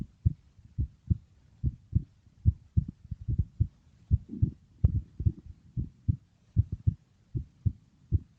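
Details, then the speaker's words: Heartbeat played in a video on how the heart works, in a third-grade lesson on the human circulatory system, repeated dull lub-dub pairs at roughly 75 per minute. "так як працює серце так побачили що серце почергово то скорочується то розслабляється"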